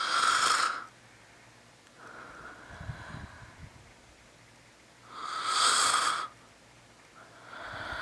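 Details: Snoring during a nap: slow, rasping snores on each breath in, with quieter breaths out between them, about two full cycles in eight seconds.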